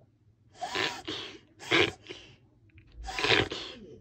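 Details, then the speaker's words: Person imitating a dog's reverse sneeze (inverse sneezing): the head is stretched out while air is sucked in through the nose, three harsh, snorting inward sniffs; usually not a disease and resolves within seconds to a minute. "묘사를 하면 고개를 빼요 고개를 이렇게 빼고 코를 들이마시는 거라고 표현을 하거든요"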